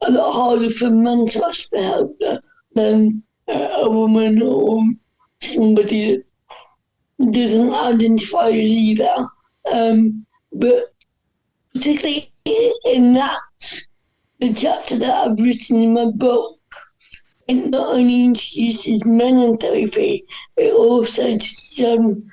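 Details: Dysarthria in a woman whose speech is affected by cerebral palsy.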